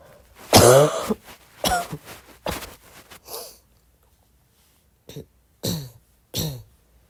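About seven soft, throaty coughs and throat clears in two short runs separated by a pause, in a quiet room.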